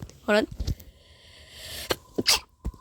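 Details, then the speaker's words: A short, sharp, snapping sneeze with a brief voiced lead-in, from a sick person while playing a video game, amid game sounds and a steady tone. "okay my sneezes sound like I'm taking pictures camera snap"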